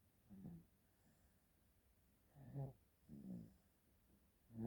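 Soft, low rattling snores recurring every second or so during sleep, with quiet breathing between; an infant snoring.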